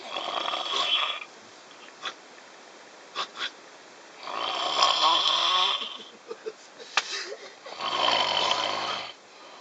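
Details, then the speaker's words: Adult sleeping on a train snores loudly and harshly, roughly one long breath every four seconds, with clicks and rattling from the train surroundings; snoring. "Snoring on the Vodka Train, Part 1."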